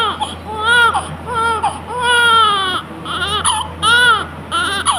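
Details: A newborn cries in repeated short wails with clear, rising and falling tone between quick breaths.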